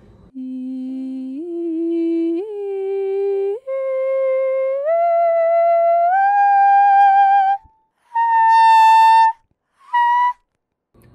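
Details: Two months after surgical removal of a vocal fold polyp, the voice onset delay now occurs at a much higher pitch, with much less white noise during soft phonation; voice onset delay at high pitch.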